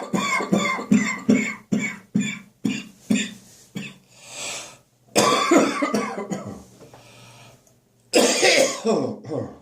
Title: Autumn Morning Coughing & Gagging 2